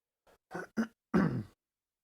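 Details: Podcast host who says he started not feeling well: a short series of four throat-clearing bursts, the last longer and rougher; throat clearing.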